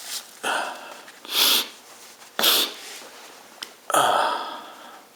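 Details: Several explosive, deliberately self-induced sneezes, about three bursts with sharp onset and hissing airflow, short sniffs between; sneezing.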